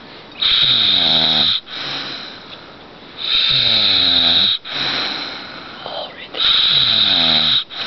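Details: Adult father, who doesn't believe he snores, taped by his wife: loud rasping snores with a groaning tone, roughly one every three seconds, sounding exaggerated and cartoon-like; snoring.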